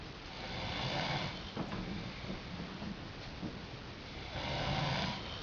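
Rough, rattling breath noises swell and fade in slow cycles, two in about five seconds, with room noise underneath: snoring.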